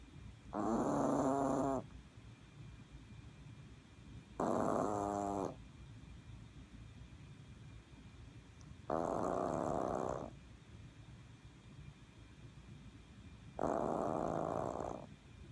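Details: A small Maltese dog snoring with loud, vibrating snores about every four seconds (roughly 15 a minute) and quiet gaps between; snoring.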